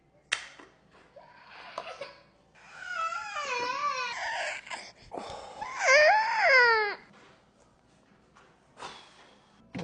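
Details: Male baby waking at 4:23 a.m., intermittent crying and fussing in a small room with brief adult voice; father thinks he seems hungry and offers a bottle.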